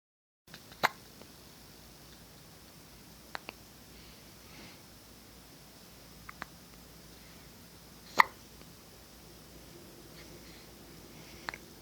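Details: Faint, brief, sharp hiccup sounds recurring irregularly against quiet room noise, about five in twelve seconds; hiccups.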